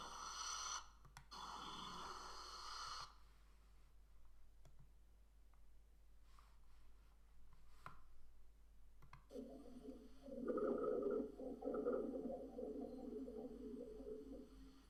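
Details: Rhonchi heard on stethoscope lung auscultation in a medical teaching recording, auscultating right and left lung fields from apex to base.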